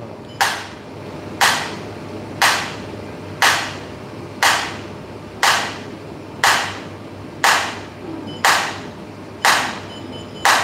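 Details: Sharp snapping shocks at a steady one per second, about 60 a minute, over faint room hum: extracorporeal shock wave lithotripsy of a kidney stone under ultrasound guidance in a man, reportedly 41.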